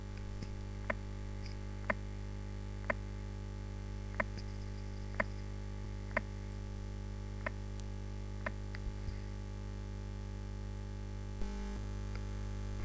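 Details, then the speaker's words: Aortic ejection systolic click heard at the aortic area just after the first heart sound, regular rhythm near 55/min; sharp early systolic click that sounds little different from a split first heart sound. "وهنسمع مثال لل اورتيك الايجكشن سيستوليك كليك بعد الفيرست هارت ساوند، مش هيكون في فرق كبير ما بين صوته وما بين صوت السبليتنج اوف ذا فيرست هارت ساوند."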